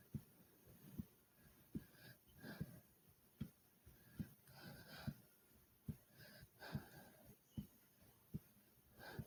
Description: i did alot of jumping jacks which made my breathing heavy and my heart was fast like comment subscribe and enjoy #heartbeat #breathing #subscribe